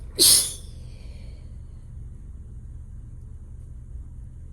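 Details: Sneezing during a failed nap, couldn't stop sneezing: one sharp hissing sneeze, then quiet room noise.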